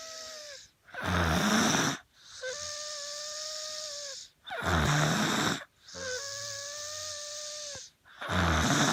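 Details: Dog snoring while suffering from an as yet unknown illness: loud snores, each breath alternating a harsh rattling snore with a high whistling tone.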